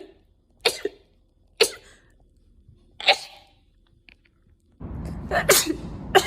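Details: Three quick sharp sneezes, then a noisier burst ending in another sneeze; rapid sneezing.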